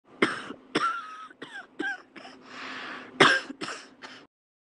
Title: very short wheezy cough